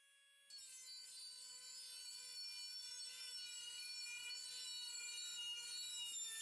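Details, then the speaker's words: Dental drill heard from a dentist's waiting room in a Finnish listening-practice story: steady, piercing high whine rising slightly in pitch; dental drill running. "là tiếng máy khoan của nha sĩ."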